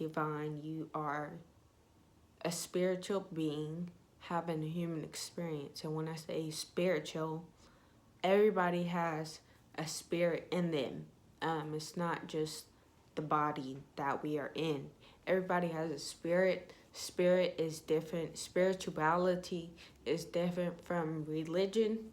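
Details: Young woman with ataxia (she says type 46), symptoms beginning in her high school junior year, with shaking, twitching and poor balance, who says her voice trembles whenever she talks; voice tremor from ataxia.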